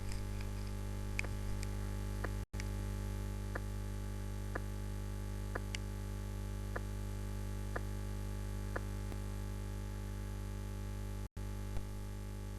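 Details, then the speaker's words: Fourth heart sound (S4): slow regular heartbeat near 60 a minute over steady hum, with a soft low-pitched sound just before each first sound; heard better with the bell. "النقطة التانية المهمة إن الفورس هارت ساوند is a low frequency أو low pitched sound، وهيبقى في فرق واضح ما بين الفريكونسي بتاعته وبتاعت الفيرست هارت ساوند."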